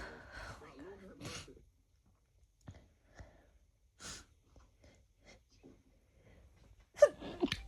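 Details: Woman newly exposed to a roommate's cat, apparently very sensitive to it: a few sharp sneezes with breaths between them in a quiet room; allergic sneezing.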